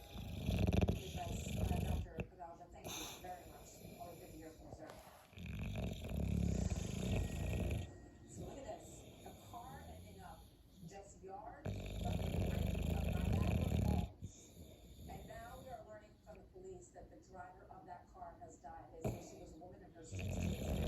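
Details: Bulldog (flat-faced) sleeping near a cat: deep, rumbling snores in slow cycles, each several seconds long, with rattly, snorting breaths between; loud snoring.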